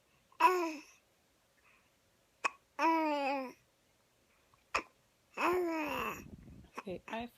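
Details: 5-month-old infant with hiccups: long coos and babbling broken by short, sharp hiccups in a quiet room.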